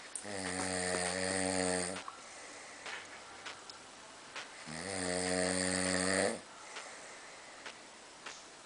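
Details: A person snoring.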